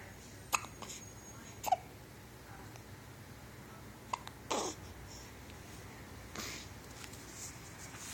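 Several brief, abrupt hiccup sounds at irregular intervals against a steady hiss of room noise; hiccups.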